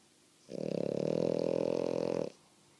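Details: Female French Bulldog snoring while awake, not even asleep: one loud, rattling, coarse fluttering snore lasting nearly two seconds.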